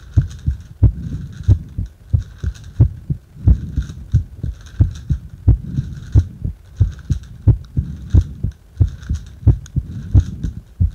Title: 袋呼吸中の心臓音